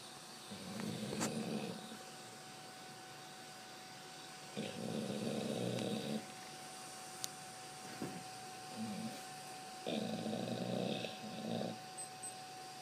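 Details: Dog snoring while asleep on a bed: low rattling snores in bursts of about a second with quiet gaps, faint steady room hum.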